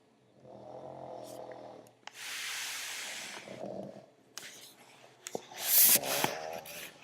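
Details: Two pugs snoring together on a couch: snorting, rumbling snores mixed with hissing breaths and small noises.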